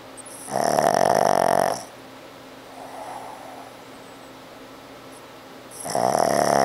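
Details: Squishy-faced snorer: loud, honking, whistly snores on the in-breath about five seconds apart, with a faint sigh between them.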